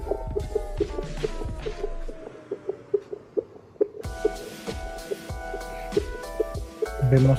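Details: Fetal Doppler: a rapid, regular whooshing fetal heartbeat at about 140–146 a minute, partly covered by background music.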